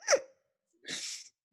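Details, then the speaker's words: Very old small female dog recorded close to a microphone, giving squeaky, whistling breaths followed by a harsh, noisy exhale: loud wheezing, described as sounding like an asthma attack. "I don't hear your dog. Absolutely like, wheezing. Dog's having like an asthma attack."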